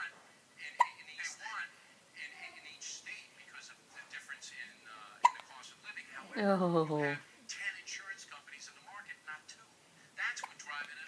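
Two abrupt, sharp hiccups break through quiet talk about four seconds apart, an involuntary spasm-driven catch of breath.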